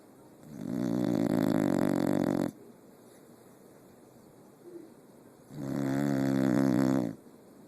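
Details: Sleeping dog snoring: two long, loud, buzzing snores about 5 seconds apart with quiet pauses between.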